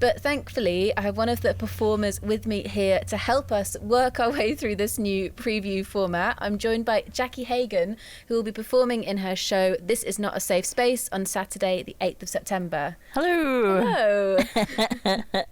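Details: Adult woman speaking; normal speech.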